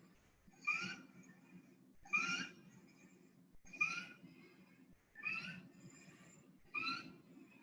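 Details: Inspiratory stridor in a child, as with laryngitis, from a paediatric respiratory examination lecture.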